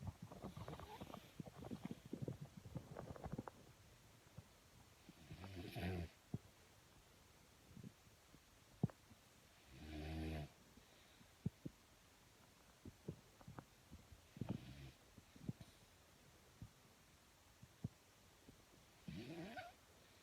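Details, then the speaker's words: A sleeping child, said to snore louder than her father, gives low, rattling snores about every four to five seconds: snoring. "You make fun of me snoring all the time. Well, this is you snoring."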